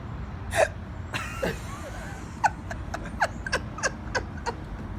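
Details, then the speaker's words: Adult woman with hiccups as her son tries to scare them away: short, abrupt catches in the breath recurring at irregular intervals over outdoor traffic noise; hiccups persist despite scares. "yeah let's see if you still got the hiccups I think you still do how many times can I scare you out of the hiccups"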